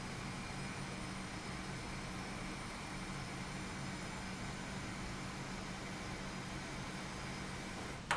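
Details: CPAP machine sound test, run with humidifier and hose attached, no mask, measured with a phone noise app: steady, even airflow hiss and low hum with no breathing sounds.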